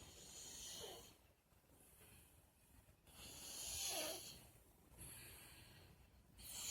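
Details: Snoring recorded April 24, 2018: quiet, airy snoring breaths, roughly three in under seven seconds, with soft hiss and light rattle.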